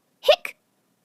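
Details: Hiccup sound in a children's science explainer: a single brief, abrupt hiccup with a quick clipped catch, then silence.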